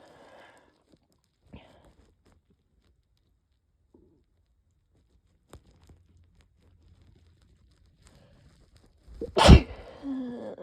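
Quiet room, faint breaths, then one loud explosive sneeze near the end; sneezing with a common cold.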